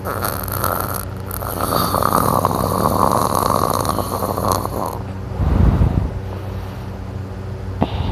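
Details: Self-recorded person snoring very loudly while asleep and drooling: loud, rough, rattling snoring over several seconds, with a deeper snorting burst partway through.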